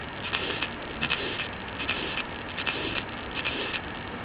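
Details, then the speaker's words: Severe aortic stenosis murmur on an auscultation simulator, heard over the neck toward the right carotid: harsh, grating systolic bursts recurring regularly at about 77/min over hiss, with a palpable systolic thrill on the upper chest indicating grade 4 or above. "severe aortic stenosis can be built in the neck as well to determine if the murmur is a grade 4 or above place this part of the hand on the upper chest you'll feel a systolic thrill the direction of the thrill is toward the right neck"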